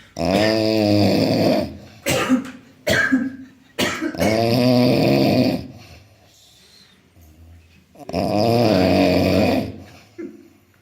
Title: one of my staff.. who's snoring is ultimate 😂😂